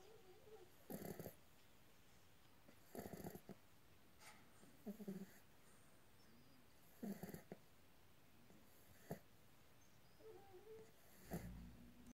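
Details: Show Beagle puppy sleeping in winter beside her littermate: soft, snorting snores, about 30 a minute and somewhat irregular, with quiet room noise between them; ordinary snoring.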